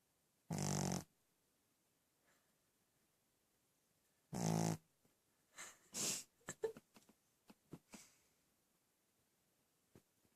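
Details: Charlie, a sleeping four-month-old Shih Tzu in a quiet room: two loud snorting snores followed by shorter snuffles and snorts; snoring.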